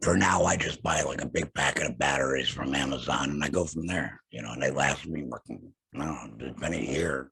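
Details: Alaryngeal speech in an adult man after total laryngectomy for throat cancer, vocal cords removed.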